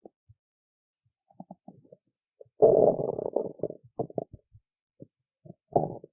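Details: An adult woman who skipped lunch and is hungry has belly noises: gurgling, bubbling abdominal rumbles in short bursts and one longer growl, with quiet gaps between. Hunger stomach rumbling, normal borborygmi.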